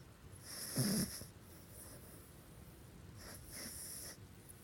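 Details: Pug snoring loudly while asleep with eyes partly open: two snorting, wheezy snores about two and a half seconds apart in a quiet room.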